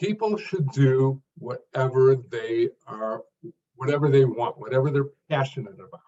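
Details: Adult man who stutters, formerly severe (could not read aloud even alone), later much improved through work and practice but still stuttering; stuttering.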